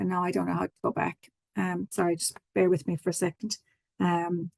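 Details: Adult speaker; Normal conversational speech.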